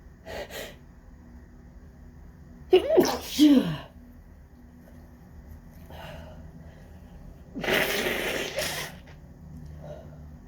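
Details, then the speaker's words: Out-of-control sneezing fit in an office, blamed on windy pollen: several loud sneezes in quick succession, each with a sharp inward gasp before the burst; sneezer left sweating afterwards. "Okay, that might be done. Just like, oh my God, that was such an intense fit."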